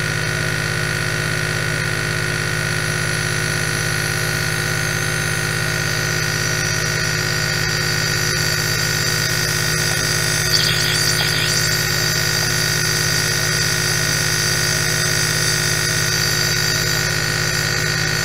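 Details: Steady loud mechanical hum and buzz of a running nebulizer compressor with a continuous hiss of aerosol; an eight-hour ASMR nebulizer recording.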